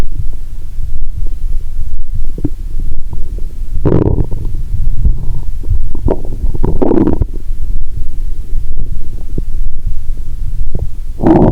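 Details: Lying down, stethoscope on a bloated belly after drinking cola and swallowing Mentos: low gurgling and rumbling with louder gurgles; active bowel sounds.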